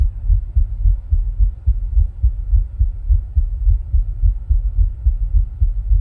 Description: My heart sound while rebreathing with a plastic bag.